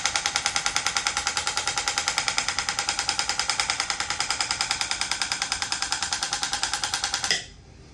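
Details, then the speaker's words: Extracorporeal shockwave therapy (ESWT) device demonstrated on the Achilles tendon with ultrasound gel: rapid, regular sharp percussion pulses, about 10 per second, stopping abruptly. "And then you'll hear just a little bit of that percussion therapy as it's sending its sound waves."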